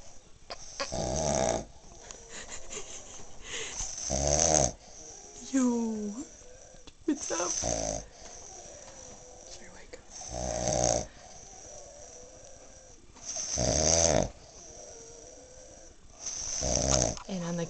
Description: A glimpse of how my husband snores, while my sister and I just keep laughing.